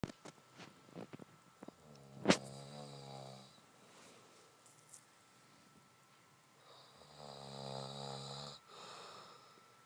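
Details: Snoring: loud buzzing snores on breathing in, with short clicks and a sharp snort at the start of the first snore.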